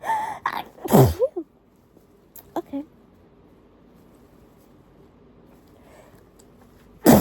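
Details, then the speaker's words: Chatty tissue sneezing fit with an unusually itchy, irritated nose, not induced: a strong sneeze with a sharp intake of breath, quiet sniffs, then another sneeze starting. "okay oh my goodness I feel it coming sorry I just went quiet I was like I could feel the tickle"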